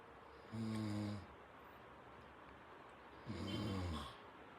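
Two low, rumbling, vibrating breath sounds about 2.7 seconds apart over quiet background hiss: snoring in a sleeping dog.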